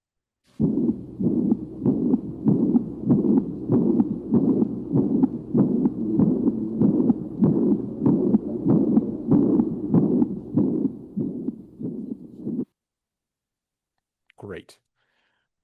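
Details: Mitral regurgitation murmur.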